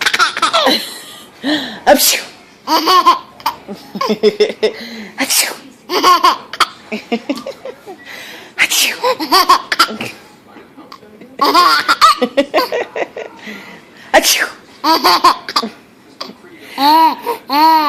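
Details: Baby laughing heartily after each of several loud, fake sneezes imitated by someone else; the sneezes are simulated, not real.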